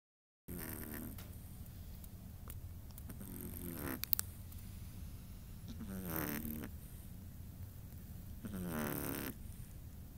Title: Krachade the Chihuahua Snoring